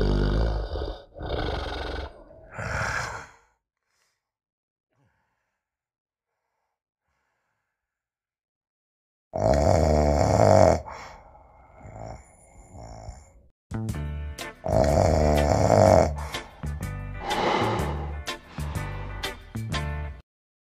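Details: Loud, rough, rattling snoring breaths in bursts with a long silent gap between them, from a promotional recording for an anti-snoring pillow; ordinary snoring.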